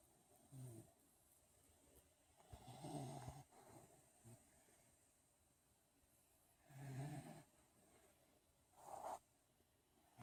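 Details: A few soft, low, rattling snores spaced several seconds apart during sleep in a quiet room.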